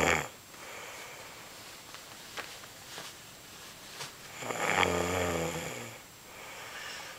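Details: Rough, fluttering breathing noise in sleep with a louder snore near the end, in a small room; snoring.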